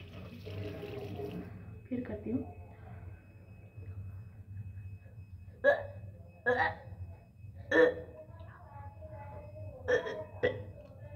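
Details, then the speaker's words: Several short, harsh throaty bursts, about five in ten seconds, with quiet gaps: gagging and hawking while cleaning deep on the tongue with a tongue cleaner, feeling like vomiting. "तो चलिए, उल्टी जैसा लग रहा है क्योंकि बहुत अंदर से कर रहे थे ना।"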